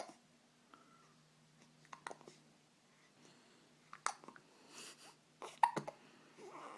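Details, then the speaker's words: An infant hiccuping just after feeding: a few sharp, brief, catch-like sounds at irregular intervals in a quiet room. "we just ate now we have the hiccups and we're probably pooping that's what we do"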